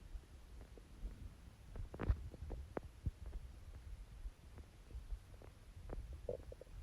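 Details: Watery stomach growls, quieter than usual for this person: soft, irregular low gurgles and watery rumbles over a quiet background hum; ordinary borborygmi.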